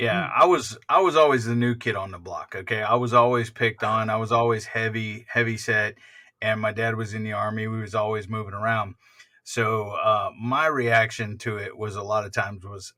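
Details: Adult male speaker; ordinary speech.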